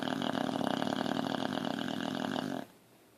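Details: Continuous rough, rattling, fluttery snore, stopping abruptly near the end, from a boxer dog in deep sleep, twitching; snoring.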